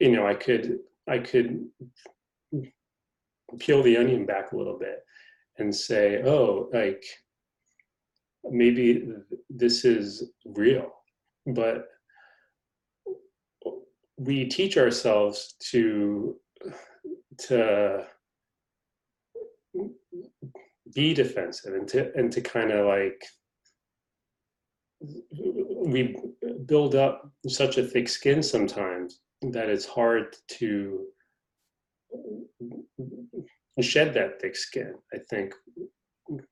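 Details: Adult man, a person who stutters; stuttering.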